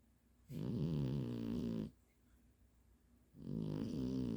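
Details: Two long, tonal snores from a sleeping dog, separated by a quiet pause: snoring.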